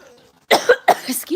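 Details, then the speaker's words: An adult who had just started smoking and felt they inhaled too hard gives a quick run of two or three harsh, explosive coughs after a brief quiet stretch; a short coughing bout. "I think I inhaled like too strongly, too hard, I guess."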